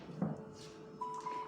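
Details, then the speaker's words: Ventour ABM Universal neonatal ventilator, tidal volume set to 2 mL, mode set and ventilation started: steady machine hum, a soft thump, then a clear electronic tone. "Okay and set mode then व will start the ventilation the ventilation start"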